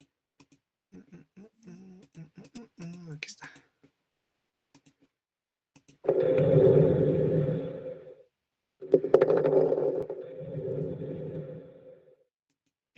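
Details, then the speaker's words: Recorded lung sound played for an exam listening quiz: two noisy breaths with fine, crisp crackling like hair rubbed between fingers, smaller bubbles than coarse crackles, after faint room chatter; fine crackles. "El otro era como literalmente, como dice la teoría se asemeja al cuando frotamos nuestro dedo en nuestro cabello, ya es un poco más pequeño"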